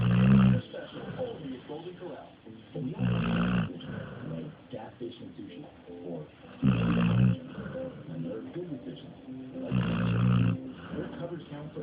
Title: Dozer snores